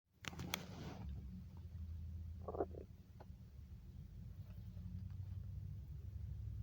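Low rumbling with a brief gurgle: ordinary stomach growling from hunger.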